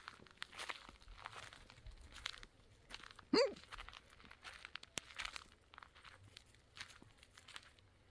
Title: Filming ripples and wave sounds, but I had the hiccups, people & dogs were talking. Still I like it